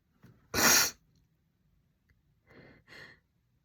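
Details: One sharp sneeze from a female, followed by softer breathy sounds, possibly a stifled second sneeze; sneezing.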